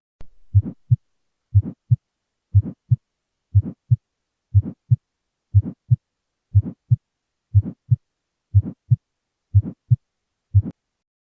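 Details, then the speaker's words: Innocent murmur at a regular 60 bpm: normal S1 and S2, silent diastole, and a short, soft, mid-frequency (120–250 Hz) early systolic murmur. It is best heard at the pulmonic area, with bell or diaphragm, and increases with inspiration. "in this example s1 and s2 are normal diastole is silent the short duration and mid-range frequency characterize an innocent murmur"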